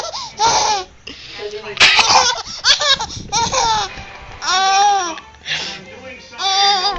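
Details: Bursts of high-pitched baby laughter and squeals, broken by a brief harsh noisy burst that fits a single cough.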